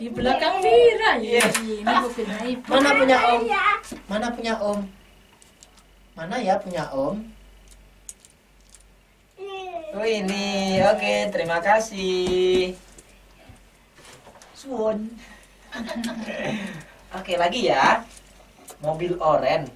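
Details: Adult speaking during child play; typical adult speech.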